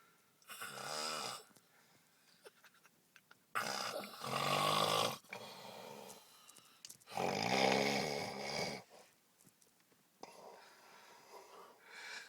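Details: Adult man passed out asleep in a truck after a night of drinking: loud, harsh, rattling snores on the in-breath with quieter out-breaths, four snores in about twelve seconds. Heavy snoring.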